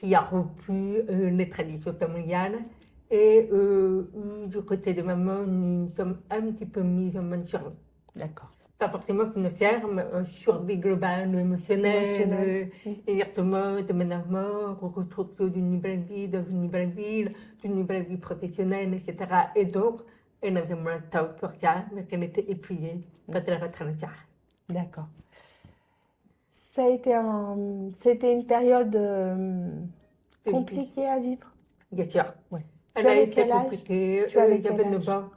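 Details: Adult French-speaking woman, profoundly deaf from birth, who relies on lip-reading and had thousands of hours of speech therapy; she says people only began to understand her speech at age 12; deaf speech.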